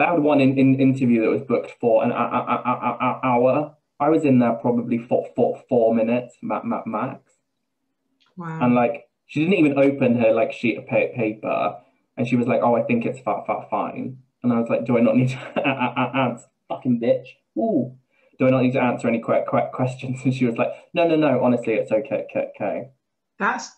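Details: Adult man with Tourette syndrome; vocal tics with word and syllable repetitions (Tourette syndrome).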